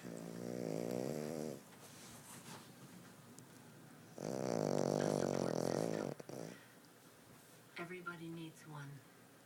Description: People don't believe me that my puppy snores like a 500lb man lol